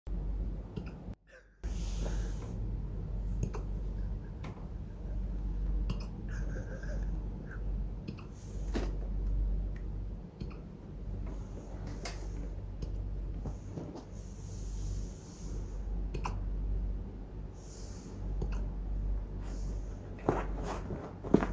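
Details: Corgi dog with ordinary hiccups: brief, soft click-like jerks recurring every few seconds over low room noise.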